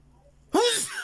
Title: Sneezing